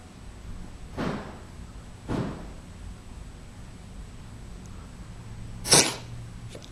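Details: A small cat that has been coughing and choking for several weeks coughs. There was no firm diagnosis, asthma was suspected, and he later needed IV hospital treatment.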